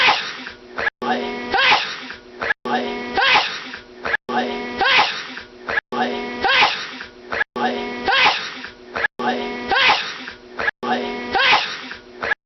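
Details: Prolonged sneezing fit: about eight sneezes in a row, evenly spaced, each with a quick indrawn breath and a forceful burst.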